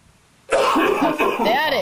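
One loud, drawn-out acted cough that runs into a voiced sound, muffled as if into a sleeve; a staged cough demonstration.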